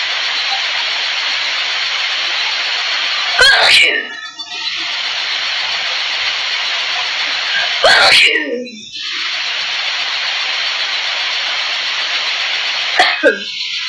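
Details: Three forceful sneezes, each a sharp burst with a trailing tail, over steady background hiss; strong repeated sneezing.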